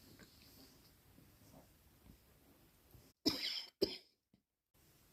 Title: Less coughing more petting, hooman